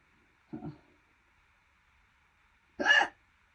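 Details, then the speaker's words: Two short, sharp hiccups about two seconds apart in a quiet room, part of a prolonged bout over six minutes long that the person calls painful, worsening and not normal. "Six minutes of hiccups. I don't think this is normal."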